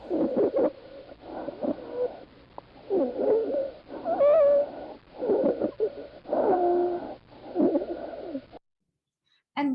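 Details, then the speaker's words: Repeated harsh, high-pitched, squeaky, whistling breath noises: stridor. "and then to the additional or adventurous lung sounds first from the strider"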